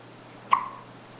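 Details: Newborn girl about 4 days old with hiccups, held by her grandfather: a single short, abrupt squeak-like hiccup in a quiet room.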